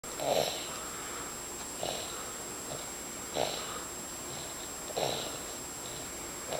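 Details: Person asleep after a hard day of play: soft, short, whistly snuffling breaths about every 1.5 seconds over a steady room hum. Light nasal snoring.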